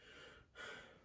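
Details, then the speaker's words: Nursing student head-to-toe assessment, stethoscope auscultation of the lung lobes: soft airy exhale then deeper inhale, lungs clear with no wheezes, rhonchi or crackles; normal breath sounds. "so patient as long lungs were clear to oscillation no adventitious breath sounds can be heard and um no ronchi wheezing or crackles can be hurt as well"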